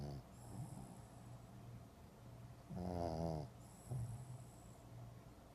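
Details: Low rattling snores on the in-breath, about every three seconds, with a steady room hum in the background; snoring.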